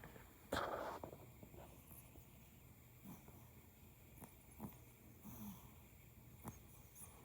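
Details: A teacup Yorkie puppy napping in a lap, dreaming and twitching: quiet sleeping breaths with a sharp early snort and a few soft snuffles and snores; snoring and snorting.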